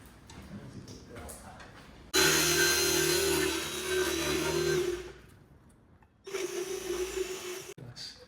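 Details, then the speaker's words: An equine dental vet uses a power burr on a mare's cheek-teeth diastema, widening the gap where food gets trapped. Precision matters because the pulp cavities are near. Two bursts of loud, steady high-pitched motor whine with grinding are heard. "so you have to be quite precise as to where you're going so if she's moving around and moving her tongue a lot you can't be accurate enough about where the bur's [Music] going"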